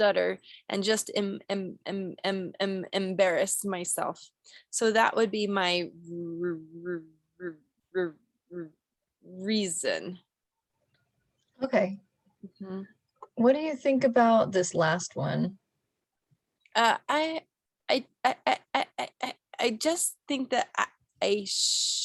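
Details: Role-played (acted) stuttering by a female client in a clinical skills therapy scenario, with word repetitions, part-word repetitions and interjections.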